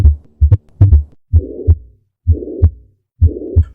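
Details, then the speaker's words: Lub-dub heart sounds with a whooshing murmur filling systole, from heart valve disease caused by myocardial infarction, in the setting of heart failure. "for example when we see a case of myocardial infarction causing valvular pathology we'll hear this"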